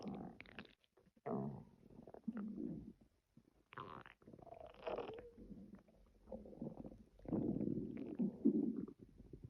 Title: Stomach Growling